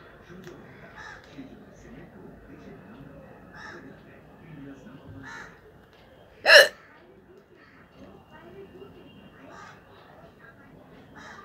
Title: Hichki challenge real sound no water/hiccup challenge